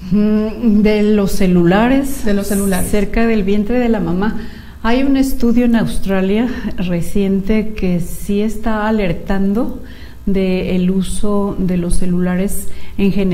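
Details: Male patient treated at a clinic since childhood for cleft lip and palate reads a text aloud after repair; speech without hypernasality.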